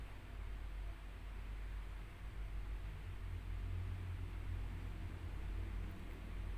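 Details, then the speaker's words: Normal heart sounds at the base: low, muffled heart sounds with the second sound louder than the first, unlike the apex where S1 is louder. "terdengar PS2 nya lebih keras daripada satunya"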